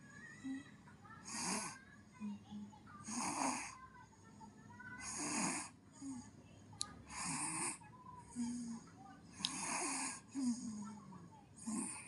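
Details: Rhythmic snoring breaths from a sleeping baby, roughly 30 a minute, each inhalation carrying a rough fluttering noise, with faint room sounds; infant snoring.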